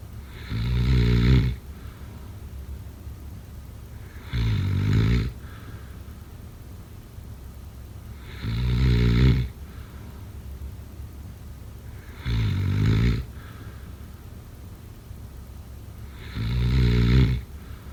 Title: Snoring sounds…